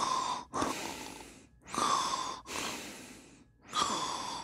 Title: snore and bedroom sound